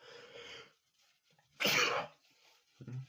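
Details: Male, reportedly sick, sneezing: a breathy intake, then one sharp, explosive sneeze followed by a soft sniff; a single sneeze.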